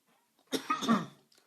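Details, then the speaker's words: Adult man coughing mid-podcast after sipping tea, throat feeling clogged: single harsh, slightly wet cough breaking into two or three quick bursts in a quiet room. "I just went to take a sip hit this button so you wouldn't hear the coughing but I'm not gonna do that let's keep it real man"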